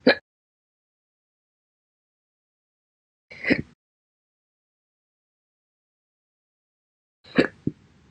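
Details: Slow hiccups after breakfast: three brief, abrupt throat bursts about every three to four seconds against silence, audio-only recording.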